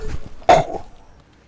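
A single abrupt, harsh throat-clearing burst from an acted scene, then quiet.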